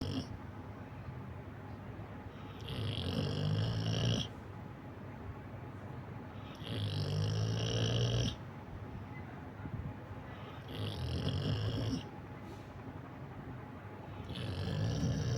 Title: The snoring pet lab #labrador #pets #pet